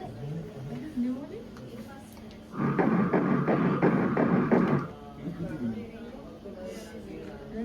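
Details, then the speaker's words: Fetal heartbeat on ultrasound scan of the first of two babies in a pregnancy: rapid, regular whooshing pulses at about 176 beats a minute. "അപ്പ ബേബിയന്റെ heart beat കേൾക്കാൻ പറ്റുമോ ഇല്ലയോ എന്നൊക്കെ നമുക്ക് നോക്കാം കാണാമോ ഇതാണ് first baby ട്ടോ ഈ കാണുന്നതാണ് ഹാർട്ട് ബീറ്റ്"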